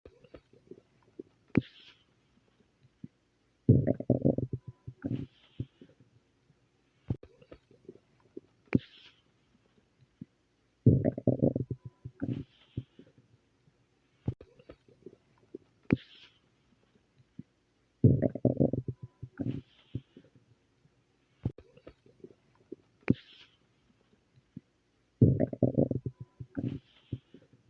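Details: Repeated low gurgling rumbles with soft clicks and squeaks; ordinary stomach growling (borborygmi).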